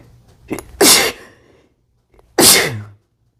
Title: sneezing (m) read description